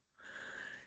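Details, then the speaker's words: A mouth-made imitation of a pulmonary diastolic regurgitant murmur, described as decrescendo, aspirative and low-pitched, likened to panting breath after exercise. It is a breathy, blowing airflow sound used in a cardiology semiology teaching demonstration, not a real recording. "Imagínense que están en la playa, hacen un deporte, están jadeantes de ese, toman algo y ¿qué sonido se escucha después? Igualito es un soplo diastólico pulmonar o"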